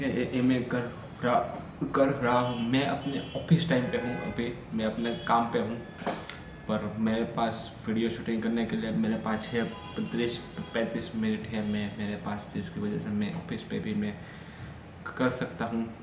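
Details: Stammering in an adult man, speaking spontaneously in Hindi on day 7 of a daily stammering practice routine that includes breathing exercises.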